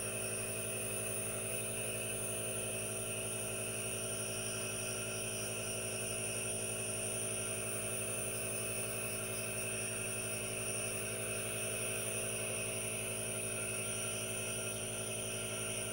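Steady mechanical hum with a rapid pulsing buzz and hiss, the continuous running sound of a compressor nebulizer.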